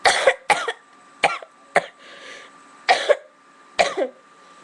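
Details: Coughing fit in a person who says they have been sick for about a week: repeated harsh coughs, about six bursts in under five seconds, some in quick pairs.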